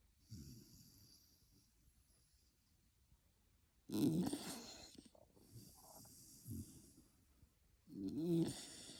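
Low rattling snores on slow breaths, about 14 a minute, in a sleeping dog; ordinary snoring.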